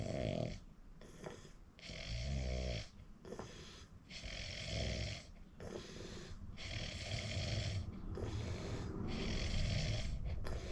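Loud, rattling low snores repeat with each breath, separated by quieter breathing; habitual heavy snoring during sleep.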